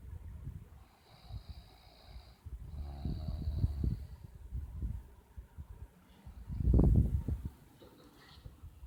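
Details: 20-year-old Vietnamese person snoring loudly: loud, irregular snorting snores with fluttering rattle on breaths over background room noise during sleep; snoring.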